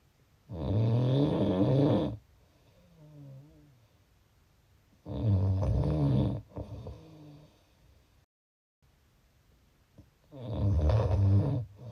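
Loud rattling snores on the in-breath, roughly 13 breaths a minute, with quieter out-breaths between; snoring.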